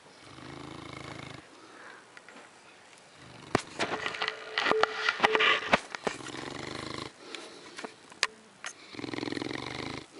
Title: cutest dog (mastiff) snore with his eyes open